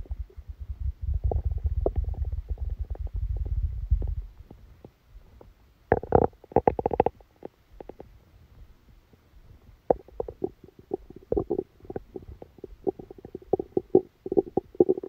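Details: Stomach rumbling: low rumbling gurgles followed by bursts of bubbling clicks and pops, active bowel sounds recorded while sleeping with a stomachache that began after Christmas dinner.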